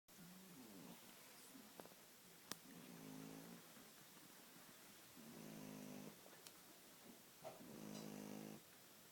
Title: Mabel the Shih Tzu snoring